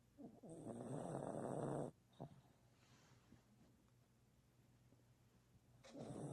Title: dog snoring